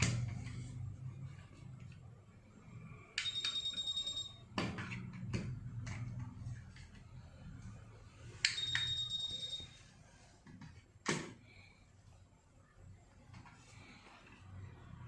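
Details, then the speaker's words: Wireless nurse call system demo: pressing the top button on an RF remote makes the receiver beep, with two brief high-pitched electronic beep bursts, button clicks and quiet room noise; nurse call alarm beep. "Pressing the top button on the remote alerts the receiver with a beeping sound and the corresponding number flashes on the screen."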